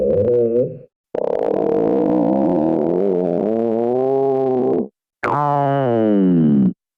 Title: My stomach growling (again..)